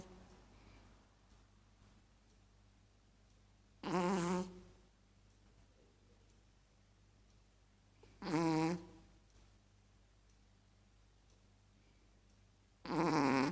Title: Snoring Chihuahua.